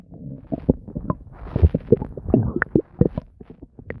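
Rapid bubbling, gurgling and squeaky pops running together without pause; active stomach gurgling, an ordinary digestive sound.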